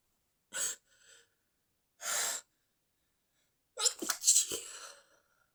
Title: stifled inducing sneezing, sometimes stifled rapid sneezing